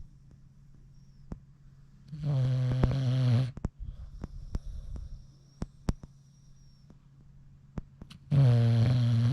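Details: A British Bulldog, tired after a Sherp ride, snores with eyes open: two loud, deep, rattling snores about six seconds apart with quiet clicks between.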